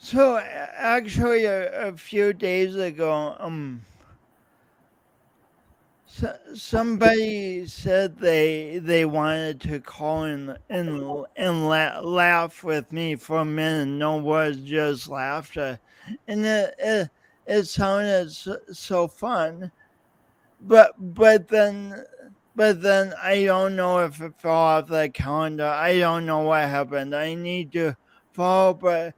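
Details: Real male's lifelong speech impediment with coordination differences, his own condition; disfluency with repetitions heard in speech; finding: speech impediment with disfluency.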